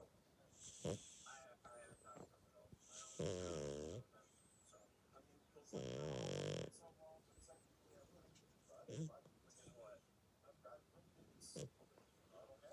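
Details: Sleeping dog dreaming through the night, with two rattling snore breaths and soft whimpers and squeaks between them: snoring.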